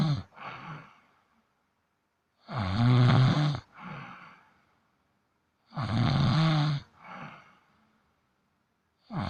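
A cat snoring: loud rasping snores on each breath in, each followed by a softer breath out, about three breaths in nine seconds, in a quiet room.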